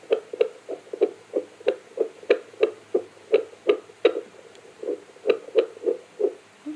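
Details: Rapid, rhythmic whooshing fetal heartbeat picked up by a Bestman BF 515 handheld home fetal Doppler, used from 12 weeks of pregnancy, probe moved over the gelled abdomen; fetal heartbeat.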